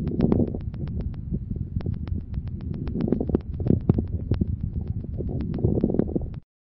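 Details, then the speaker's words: Breath sounds with brief popping crackles clustered mid-inspiration, reflecting bronchial secretions, variable between cycles and often with some expiratory crackles. Finding: mid-inspiratory crackles. "ils traduisent l'existence de ces questions bronchique d'où leur caractère variable d'un cycle à l'autre et leurs associations fréquentes à quelques crépitant expiratoire écouter encore les crépitante denis inspiration"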